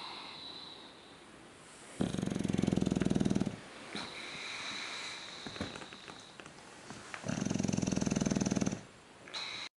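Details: English bulldog sleeping on his back on an indoor couch with a cat curled up beside him; loud, rattling, low snores on two long inhalations with quieter breathing between: snoring.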